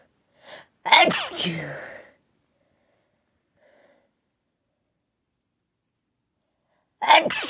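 A soft lead-in breath, then one loud explosive sneeze, a pause, and the start of another sneeze at the end.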